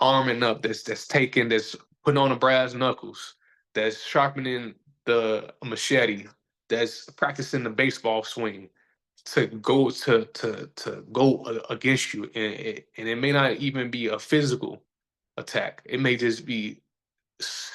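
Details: Stuttering in an adult male DJ and host who says he stutters and that everybody sees or hears it.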